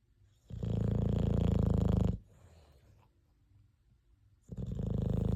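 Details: Buzzing, fluttering snore on each in-breath in a resting cat, about two breaths in five seconds with quiet pauses between; ordinary snoring.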